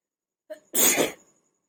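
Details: A short sharp intake of breath, then one forceful hissing burst of air through nose and mouth during a sneezing challenge: a single sneeze.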